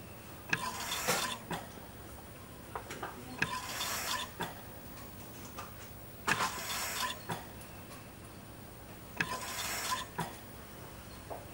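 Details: Mechanical ventilator sound effect of life support: rhythmic whooshing air bursts about every three seconds with clicks as the machine delivers breaths.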